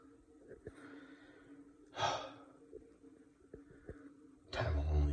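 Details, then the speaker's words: Sleeper snoring in a dark bedroom, likened to sawing; quiet room with two noisy, rasping breaths about 2.5 seconds apart, the second a deep rumbling snort; snoring. "can you hear it tell me it sounds like it's sawing i don't think so"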